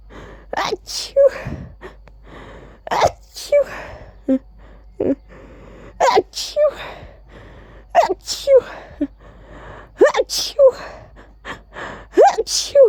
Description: I really tried to actually say "Achoo!" while sneezing.